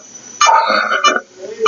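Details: Respiratory clinical case with oxygen saturation below 90% on the monitor: expiratory grunting, a sign of advanced respiratory disease.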